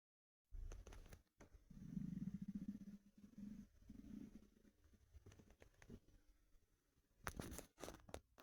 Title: Empty stomach rumbling through my tee shirt